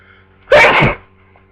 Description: I've had the flu for 2 days and it's only now I've gotten sneezy so enjoy